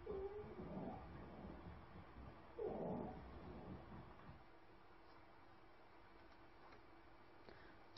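Two noisy breaths carry a faint high, whistling, musical tone that lingers between them, ending in a sharp click; an expiratory wheeze.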